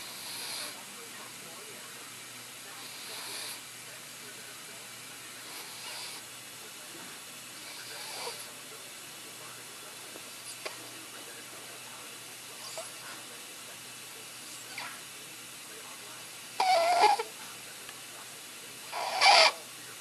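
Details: Sleeping child's noisy, hissing breaths with harsh, pitched inspiratory noise after tracheostomy removal; stridor from a narrowed upper airway.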